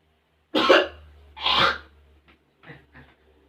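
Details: Simulated chest physiotherapy demonstration on an adult male patient: after a deep breath, two strong, forceful effective coughs to bring up sputum into a basin, then a few quieter throat-clearing sounds.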